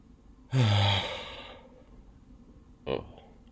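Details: Person's deliberately induced sneezes, recorded on their birthday: one forceful voiced burst with a quick intake and explosive release, then a short second burst; sneezing.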